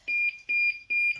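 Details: Repeated high-pitched electronic double beeps, about three pairs a second, from an infusion pump alarm in hospital, less than 24 hours after a patient's large bowel removal for bowel cancer; the alarm then stopped.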